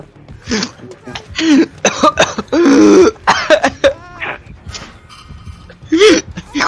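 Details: Harsh, irritated cough: repeated forceful bursts with throat clearing and strained voiced sounds between them.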